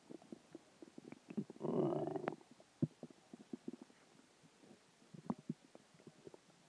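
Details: Stomach growling after dinner, water and gas: irregular gurgles and rumbles with one longer growl; borborygmi.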